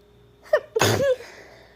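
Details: Acted, simulated sneeze by a female: a quick inward catch of breath, then one forceful sneeze in a quiet room.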